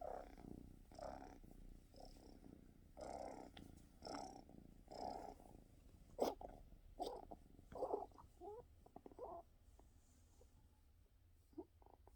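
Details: Cat purring steadily with intermittent soft whimpering or moaning cries over the purr, just after a coughing spell: whimpering while purring.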